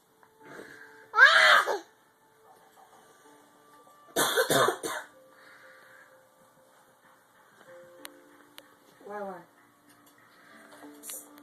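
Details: Imitated sneezing, copying a grandmother's sneezes: two loud, sharp sneeze-like bursts and a softer vocal sound with faint music behind, not a real sneeze.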